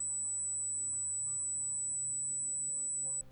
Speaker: this is an idea of what my tantis sounds like here is an 8,000 Hertz tone and this noise is constantly playing inside my head at different intensities